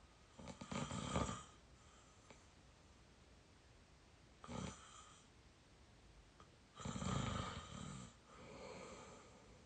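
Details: A very tired 22-year-old snoring in sleep: rough, rattling breaths coming in slow irregular cycles over quiet room noise; real snoring.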